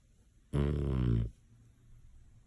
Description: As most Boston owners know.....they snore. Ozzy is no exception :)